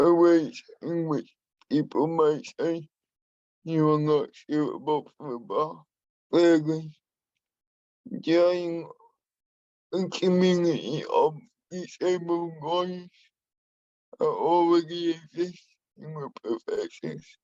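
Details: Adult man with spastic and dyskinetic cerebral palsy who uses a wheelchair; he has a speech impairment that he has worked to minimise and still practises; dysarthria in cerebral palsy.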